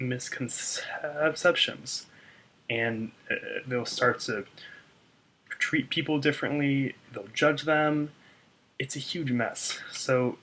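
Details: Stuttering in an adult man, with audible word repetitions; he reports a really bad block on his name.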